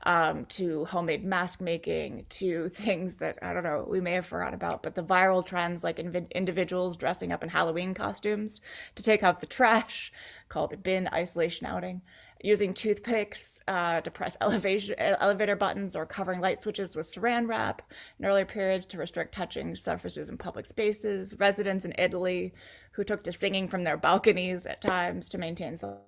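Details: Adult woman with a neurological disorder causing episodic muscle spasms that sometimes take her to the ground, heard as hiccup-like speech interruptions from the spasms.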